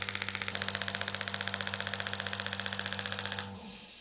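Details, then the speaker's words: Rapid, regular mechanical tapping pulses, about three per second, with a steady low hum, then stopping; shockwave therapy on the front of the shoulder for bicipital tendinitis, with intensity being turned up. "and so right now I'm going to show you what that shock wave therapy looks like"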